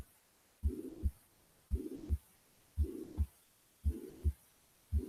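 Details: Teaching recording from a cardiology seminar: slow regular heartbeat, about 56 a minute, with a steady blowing murmur filling the whole gap between first and second sounds: holosystolic mitral regurgitation murmur.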